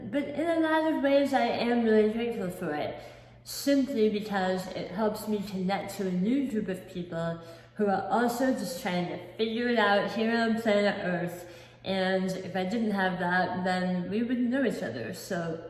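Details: Adult woman, not born with a speech impediment, with lisp and imprecise articulation since a 2018 hemiglossectomy for large oral cancer at the back of the tongue; about 50% of the tongue was replaced by a cheek-tethered flap limiting movement; articulation disorder after partial tongue removal.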